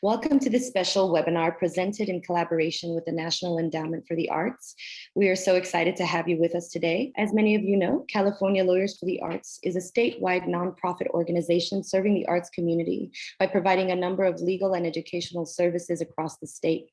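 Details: Adult female speaker; normal speech.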